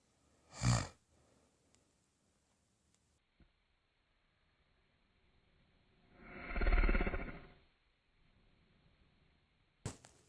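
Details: Adult wife asleep in the middle of the night, snoring reportedly worsening over time: deep, rumbling, snorting breaths separated by long quiet pauses in a dark, quiet room. Loud snoring.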